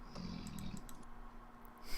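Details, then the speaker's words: A single low, rumbling snore from a sleeping dog in the background, heard over quiet room noise. "Guinea yeah you can hear our dog snoring in the background oh that's glorious"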